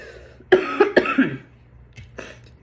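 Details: During a 17-year-old's recorded class speech before a small audience: a burst of three or four loud, harsh coughs, then a fainter cough, in a quiet room.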